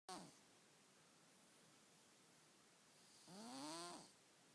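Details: Sleeping cat snoring: a faint start, then one whining snoring breath under quiet background hiss; harmless.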